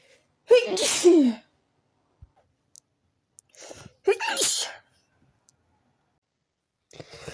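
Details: Sneeze attack the morning after waking up: two loud sneezes a few seconds apart, each with a sharp intake and explosive release, then a faint sniff.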